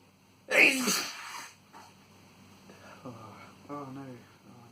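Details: Adult man's sneeze induced with chhinkni and tissue: one sharp, loud sneeze followed by quiet voiced murmurs, with a possible nosebleed afterwards questioned.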